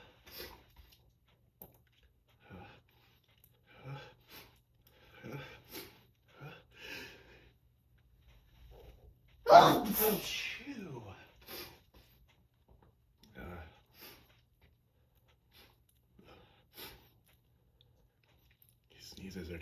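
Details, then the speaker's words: Person in a series of powerful full-body sneezes: quiet breathing, then a drawn-in breath and one loud, forceful sneeze in a quiet indoor room; sneezing. "These sneezes are just rocking my whole body. Wow, these are so powerful. I can't even leave the house today like this."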